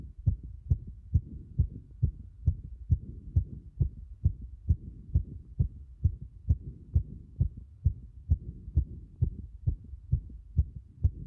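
Fast, regular heart sounds at about 130 beats a minute, a rapid heart rate.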